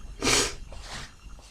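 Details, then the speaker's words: Adult sneezing, Wednesday morning: one wet, hissing sneeze burst with heavy spray, followed by quieter nasal breathing. "Everything's getting absolutely caked in spray."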